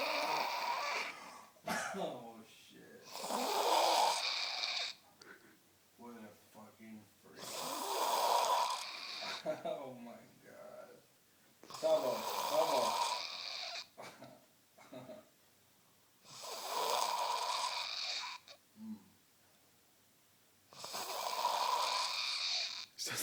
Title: The Snore